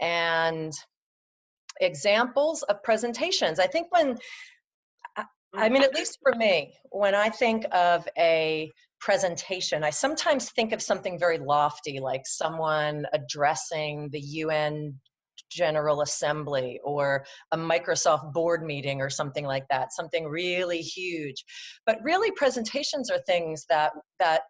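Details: Adult woman who stutters, presenting in a webinar; her stutter comes and goes, with good and bad speech days; stuttering.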